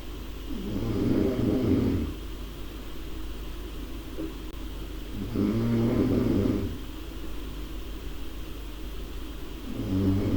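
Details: Low rumbling snores on each breath, about three in ten seconds, with steady room noise between; snoring.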